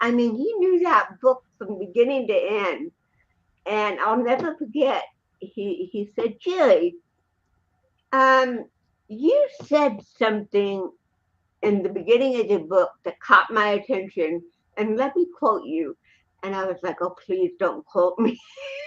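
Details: Real interview speech of an adult woman, an actress and comedian, with cerebral palsy since birth (born 1956); dysarthria (cerebral palsy).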